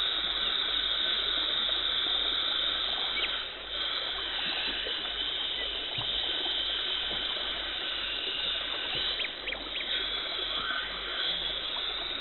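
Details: Dental hygienist's professional teeth cleaning removing tartar and plaque, no talking: steady high hiss of water spray and suction with faint scraping and scaler clicks; dental cleaning instruments.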